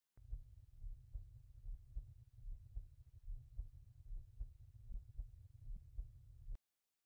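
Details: Regular low-pitched heartbeat at the mitral valve area, about 73 beats a minute, paired S1 and S2, recorded with an intelligent stethoscope synchronized with ECG.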